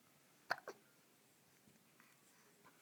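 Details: 2-month-old baby with hiccups: two quick, sharp hiccup sounds close together, then quiet room noise.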